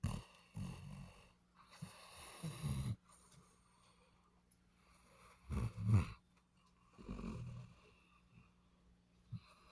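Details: Basset Hound dog snoring in sleep: loud, rattling snores, several in under ten seconds, with quiet pauses between breaths.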